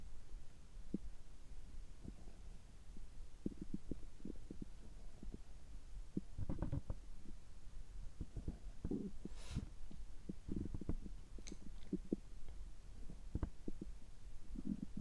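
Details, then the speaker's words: Adult's abdomen recorded just after a gastroscopy with normal results: soft, scattered low gurgles and clicks over a steady hiss; normal stomach and bowel sounds. "ちょっと声が変ですけども、胃カメラ直後の、えお腹の音、胃の様子を聞いていただければ嬉しいです。"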